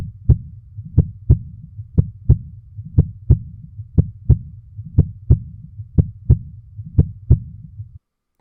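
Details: Normal heart sounds (S1 and S2).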